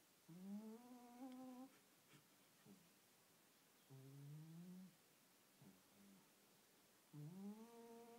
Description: My cat is snoring :O